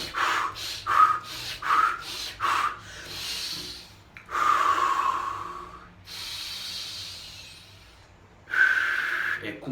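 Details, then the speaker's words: Demonstration of hyperventilation as in an anxiety attack: rapid, forceful, shallow breaths drawn in quick succession, then longer heavy breaths. "então é muito comum as pessoas em crise de ansiedade hiperventila"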